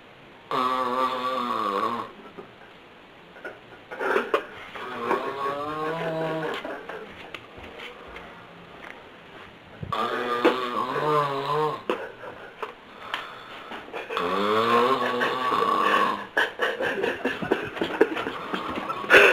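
Loud, rough, buzzing snores with a wavering pitch, coming roughly every four seconds with quieter breaths between; heavy snoring.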